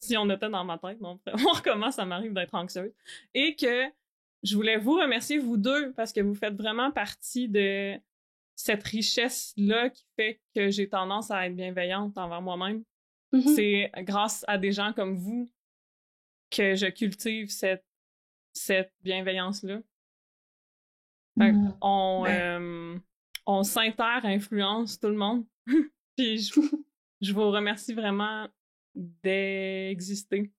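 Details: Adult woman who stutters, also has ADHD and has had speech therapy, speaking French; stuttering.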